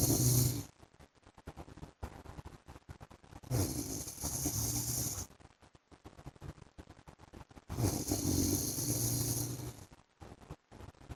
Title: PART 1 FOR SLEEPING WITH MY HUSBAND'S SNORING SOUND